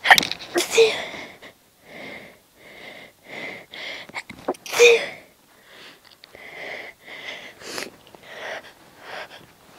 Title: Super Quiet sneezes!